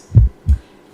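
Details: Stethoscope diaphragm over the tricuspid area, left fourth and fifth intercostal spaces, during a heart auscultation skills demonstration: low thudding normal first and second heart sounds without murmur; normal heart sounds.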